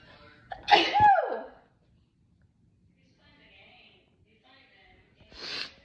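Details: A sharp sneeze with a loud burst of air, a pause, then a second softer sneeze-like burst near the end: sneezing.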